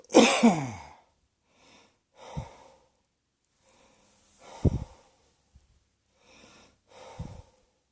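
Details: Cross-dressing person coughing: one sharp cough burst, then several softer, breathy coughs with pauses between them, in a quiet room.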